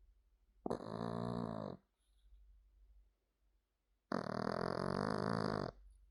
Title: Binky snores